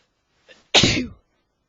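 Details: Adult male with allergies acting up: a brief in-breath followed by one loud, explosive sneeze in a quiet setting; sneeze.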